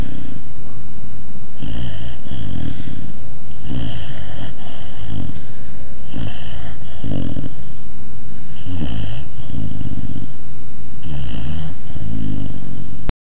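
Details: 6-month-old Dogue de Bordeaux (French Mastiff) puppy asleep: loud, regular rumbling snores on each breath in and out, about 9 breath cycles a minute. Snoring.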